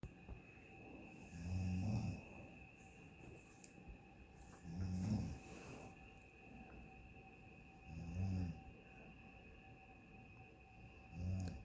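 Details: Loud, relentless "freight train" snoring in a hotel room on vacation at 12:37 a.m.; low rumbling snores on each breath in, about 19 a minute, over steady room hum.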